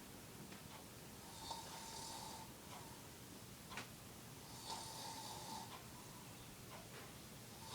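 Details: Adult man (a father) sleeping: two slow, hissing, whistling snores over room noise, about one every three seconds; snoring during sleep.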